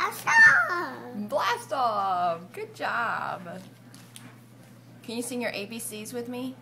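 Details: Adult woman speaking to a young child; typical adult speech.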